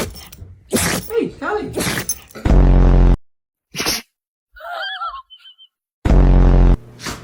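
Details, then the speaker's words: Dog sneezing: two loud, sharp snorting bursts separated by a few seconds, with brief whines. "Willow, you gotta sneeze?"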